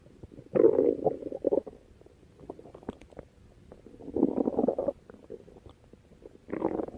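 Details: Three gurgling, rumbling bursts of stomach growling (borborygmi) separated by quiet pauses.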